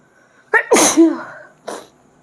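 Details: Person sneezing during a sneezing challenge: quick breathy intake, one loud explosive sneeze with voiced tail, brief sniff after.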